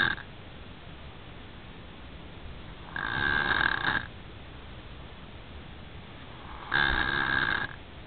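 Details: Sleeping child (son) snoring: rough, rattling snores on each breath in, about every four seconds, quiet breathing out between.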